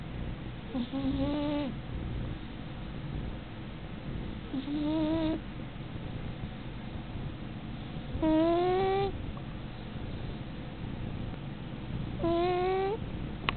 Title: Cat snoring